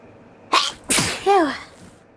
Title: More stuck sneezes